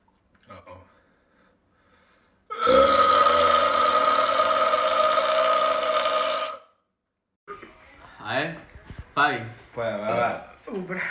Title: Boys Burps Compilation